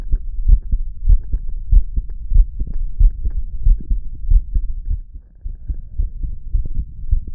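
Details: Listening to my own heartbeat: regular low thumping, about 94 beats a minute, with a faint hum underneath; normal heartbeat.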